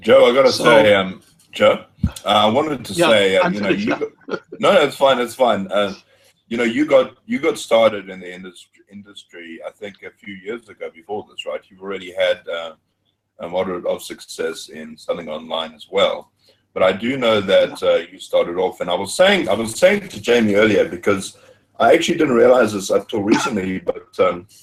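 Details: Adult male; normal speech.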